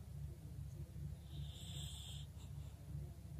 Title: Birdie doing her bulldog snoring *ASMR* Zen moments | ENGLISH BULLDOG